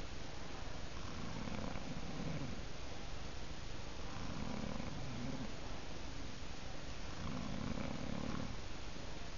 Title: It's snoring time.